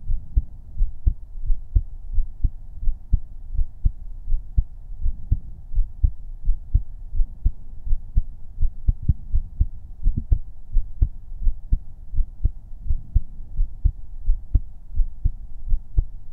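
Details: ASMR heartbeat recorded with a 3Dio binaural microphone: steady low thumps at about 85 beats a minute over a faint hum; normal heartbeat.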